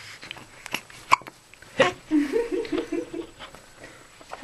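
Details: Five-day-old baby boy on his first night home, in a good mood and not crying during a nappy change, has repeated hiccups before a breastfeed: hiccups.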